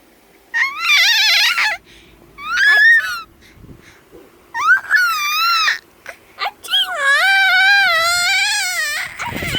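Repeated bursts of high, wavering infant crying and fussing with short pauses between; ordinary crying.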